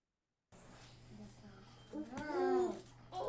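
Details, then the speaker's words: Child lying propped up on pillows, eyes open, staring, not tracking or moving spontaneously; harsh, high-pitched, audible upper-airway noisy breathing, first mistaken for audible wheeze; stridor. "what sound is that audible we is a great guess that is Strider so this is why audible we and wheezing and Strider get overlapped a lot and this kid this is actually Strider"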